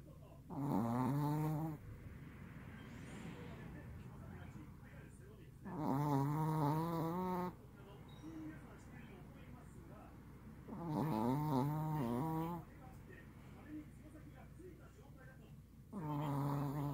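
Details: Pet Chihuahua snoring very heavily: loud, drawn-out, groaning snores about 12 a minute, each about two seconds, with quieter breathing between.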